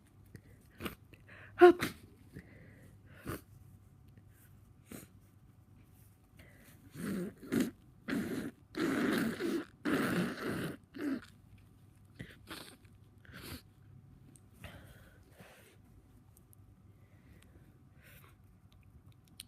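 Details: Person with a cold, totally congested: scattered sniffs and snorts with a run of several short, forceful sneezes in a quiet room.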